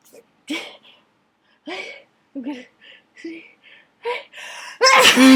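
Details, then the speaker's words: Dust-triggered sneezing fit in an attic: a run of short explosive sneeze-like bursts with gasping in-breaths between them, ending in a loud burst; sneezes keep coming and getting messy. "God they just keep coming I'm see I'm going to see and now it's getting messy again"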